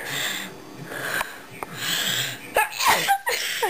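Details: Several short, sharp sneeze bursts in quick succession in a small room, with laughter and voices nearby, prompted to sneeze low-pitched like a big strong man; repeated sneezing.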